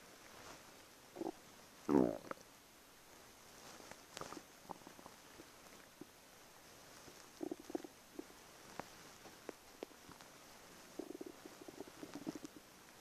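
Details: Stomach rumbling (borborygmi) from an adult, recorded quietly: repeated gurgles, squelches and rumbles, ordinary bowel sounds; the person jokingly suspects IBS.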